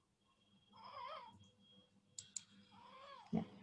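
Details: Bilateral vocal cord paralysis, presented among congenital laryngeal abnormalities: weak cry with inspiratory stridor.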